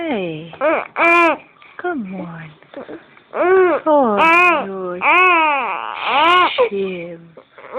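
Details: Baby crying loudly in repeated long wailing bursts with brief breaths between while an adult soothes him; infant cry.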